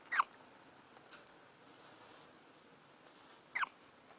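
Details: Two brief, sharp high-pitched catches about three and a half seconds apart over faint room hiss, typical of hiccups.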